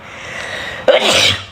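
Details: A streamer, tagged with allergy, sneezing during a livestream, one of eleven sneezes: a sudden loud burst of air and voice after a quiet lead-in, over faint room noise.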